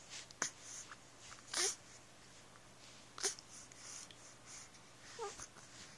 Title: mm hiccups